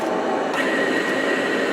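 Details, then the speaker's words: Cough assist device used for an ALS patient with thick mucus she cannot swallow, switched from standby to therapy mode: steady loud rushing airflow with a faint whine as it blows and then sucks to bring mucus up. "it has a on button and then it has a standby you want to put it on therapy and so it's going to now start to suck and blow I think of bulls first and then sucks"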